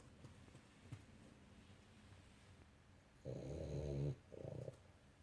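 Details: Two loud, low, rattling snores from a small dog asleep in a quiet room, the first long and the second shorter: snoring.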